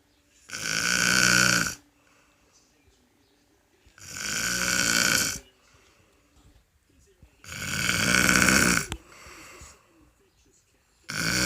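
Loud, rough snores on each breath in, about three in ten seconds, with quiet pauses between them.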